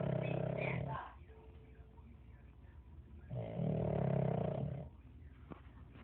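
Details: Pug snoring loudly in sleep: deep, rattling snores in two long bursts with quiet pauses between them; heavy snoring.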